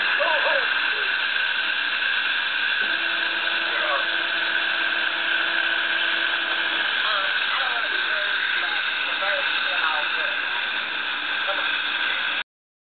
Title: Guided implant surgery - 4.3 mm drill